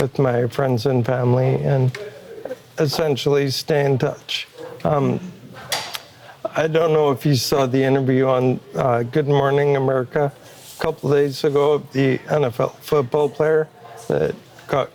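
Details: Adult man with ALS, a progressive neurological disease, with limited movement and a Neuralink brain implant received in late May; he says his voice is starting to slow down and will worsen daily; dysarthria (ALS).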